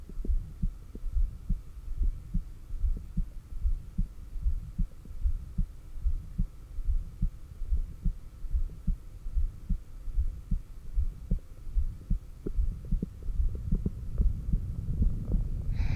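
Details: Steady, regular heartbeat at about 74/min through a stethoscope at the cardiac apex during breathing and breath-holds (exhaled stomach vacuums, inhaled, straining), faint steady hum behind; normal heart sounds.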